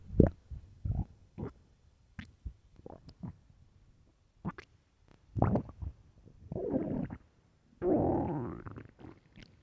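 Repeated low gurgles, pops and drawn-out groaning rumbles from the belly; a hungry stomach's ordinary growling.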